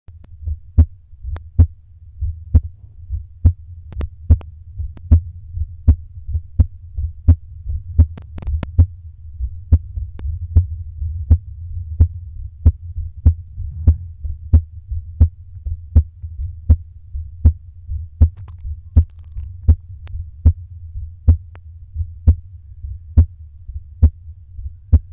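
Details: Heartbeat recorded while doing exhale breath holds to slow it: steady, regular beat at about 74 beats a minute, sharp thumps over a low steady hum.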